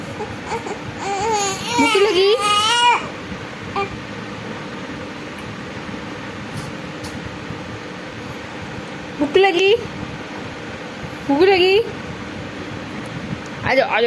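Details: A 45-day-old baby girl cries for milk: short, rising wails separated by quiet pauses, a typical hunger cry.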